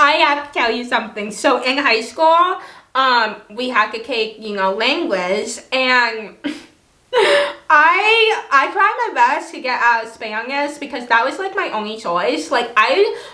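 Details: Dysarthria from cerebral palsy in an adult woman who has long-standing difficulty pronouncing words, is sometimes not understood by family and new people, and had years of speech therapy growing up.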